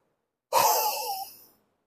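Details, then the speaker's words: Chest physiotherapy airway clearance demonstration of a high-level huff with the head held up: one forceful open-mouthed exhalation about a second long, to move secretions upward for coughing out; done 3–4 times daily. "এখন আমি বলব high level huffing high level huffing হচ্ছে আরো উপরে থেকে যেমন মাথাটা আমরা উপরে রাখবো"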